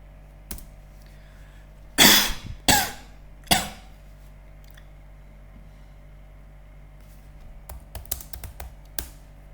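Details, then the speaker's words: Recorded cough sample for AI COVID-19 cough detection, classified as negative: three short, forceful adult coughs followed by light keyboard tapping in a quiet room. "Bây giờ là phát hiện xem dùng AI để phát hiện xem nó có bị như vậy là đây là một tiếng ho âm tính."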